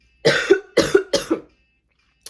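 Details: Three short, harsh coughs in quick succession, each ending with a brief voiced catch, in a quiet room. A dry cough in a fully vaccinated person testing positive for COVID-19 during the omicron period, with a scratchy throat and hoarseness.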